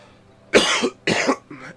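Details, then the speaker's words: Two forceful, harsh coughs and a weaker third, with faint room hum, from a person who says a long, irritating cough persists while recovering on medicines. "but don't worry I will feel better if I can cuz um yeah this long cough is very irritated"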